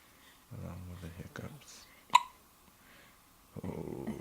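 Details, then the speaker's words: A 7-day-old baby boy with hiccups keeping him awake: a single sharp hiccup between soft infant noises, with faint talk nearby. "Except for his hiccups, they're keeping him awake."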